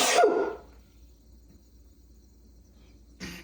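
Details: One loud, explosive human sneeze, then quiet, then a second short burst, startling a pet cat nearby; sneezing.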